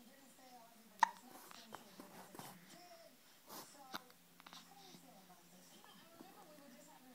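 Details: Infant boy with sharp, brief catches recurring a few times amid soft baby noises and quiet room sound; infant hiccups.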